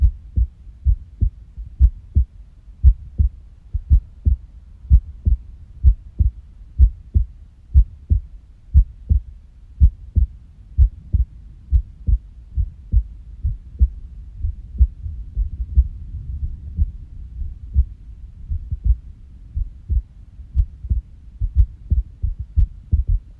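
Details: Unusual heart sounds: low heart thumps at about 60 beats a minute with uneven spacing between beats, an irregular heartbeat (arrhythmia).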